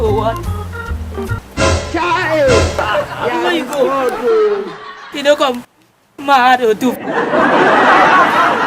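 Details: Comedy skit, stammering acted for comedy by a character calling out a phone number; stuttering (acted)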